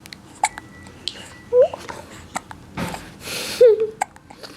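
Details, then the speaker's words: 2-month-old baby boy with hiccups while being recorded by his father; brief, abrupt voiced catches at irregular intervals amid soft baby sounds and breathing; infant hiccups. "can't stop hiccuping you're on camera daddy is recording this handsome man"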